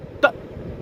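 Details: Woman with Tourette syndrome; a vocal noise occurs just before she mentions having tics. Vocal tic.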